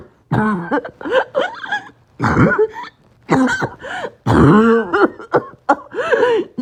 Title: Choking, Barking, Coughing Spasm (COPD and low oxygen)